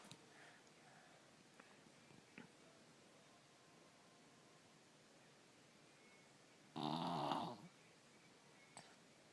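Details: 3-year-old with strep throat snoring, normally a snorer but worse now, ENT visit considered: faint breathing in a quiet room, then one loud, harsh snore lasting about a second.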